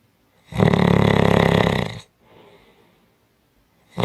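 One long, loud, fluttering snore on the breath in, then a soft breath out; strong snoring.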